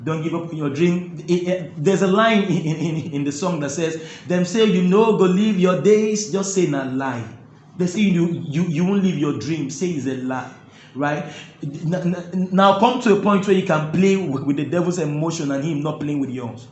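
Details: Adult man who stammers, finding talking difficult while singing flows easily; stuttering.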